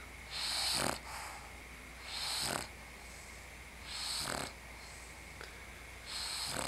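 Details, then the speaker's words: Bulldog sleeping, exhausted after playing with her pug friend: harsh, snorting rattle on each breath, about 20 breaths a minute, against a steady low room hum; snoring. "that was y'all's Bulldog snore break for the day."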